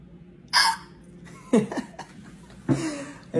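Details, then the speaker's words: Pet monkey (chimp) with hiccups; repeated hiccup sounds. "think you've got hiccups. We're gonna have to take care of that."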